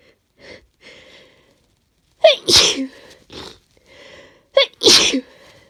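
Two loud, wet sneezes, each preceded by quick catching inhalations, with softer breaths in between; a sneezing fit with a cold.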